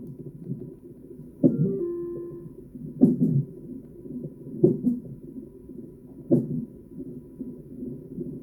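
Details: Fetal hiccups on a monitor: regular rhythmic thumps about 37 a minute over the monitor's whooshing background.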